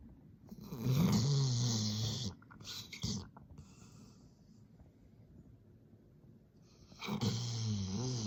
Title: Labrador snores so loud omg 😦 you can’t hear your thoughts 👻🤣 #sleeping #loud #hilarious